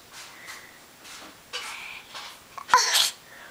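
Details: An animal's imitated, artificial sneeze while playing peek-a-boo: soft chattering sounds, then one sharp, hissing burst near the end.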